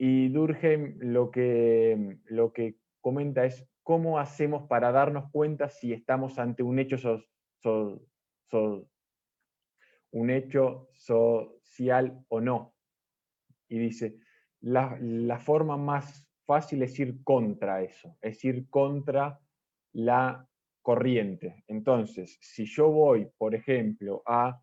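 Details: Stuttering in unprepared spontaneous speech during a stuttering group's presentation practice; a part-word repetition is audible.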